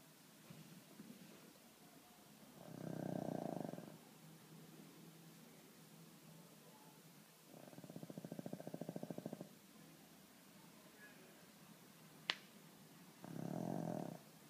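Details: Sleeping pug dog snoring: rhythmic rattling snores, each about a second and a half, with each breath, quiet gaps between.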